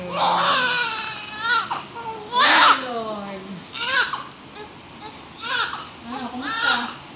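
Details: Strong, repeated wailing cries from a baby girl, about 2.7 kg, just after delivery to a small mother, with quieter breaths between bursts; a vigorous newborn cry.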